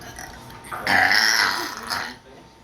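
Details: Burping: one long, loud, rumbling burp of about a second, with faint room noise before and after.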